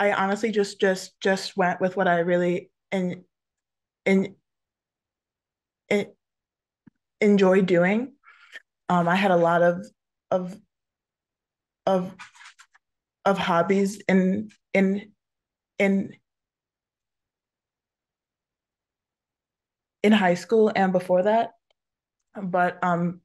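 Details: Adult woman photographer who stutters and often closes her eyes when stuttering; word and part-word repetitions are audible; stuttering.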